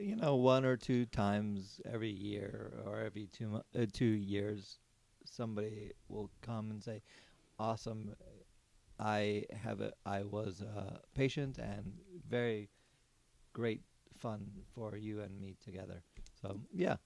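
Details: Aphasia in an adult man, a former paramedic, after a stroke during surgery about eight and a half years earlier. For about a year he could say only one word. He has ongoing speech therapy and has word-finding difficulty.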